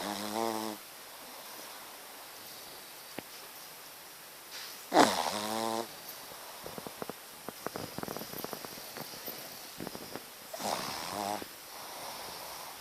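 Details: Shih Tzu dog asleep: a few rattling, buzzy snores separated by quiet pauses with faint clicking sounds; snoring.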